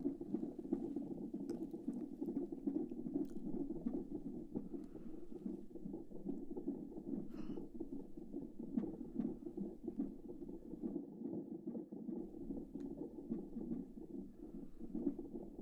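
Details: Simulated ASMR midwife check-up a few weeks after the 12-week scan: fetal heartbeat on Doppler, fast rhythmic whooshing beats near 150 a minute, judged normal with no concerns.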